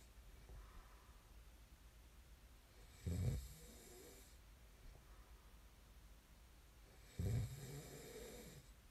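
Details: Low rattling snores on breathing in, about two in nine seconds, in a quiet room; ordinary snoring recorded as snoring ASMR.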